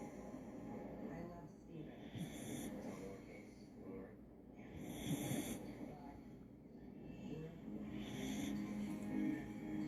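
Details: Snoring while having its ears massaged: soft, rhythmic snoring breaths with snorting sounds over background music; ordinary snoring during sleep.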